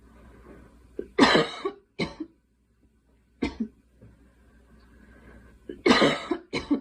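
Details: Girl coughing: three loose, forceful coughs, two of them double bursts, separated by quiet pauses in a small room.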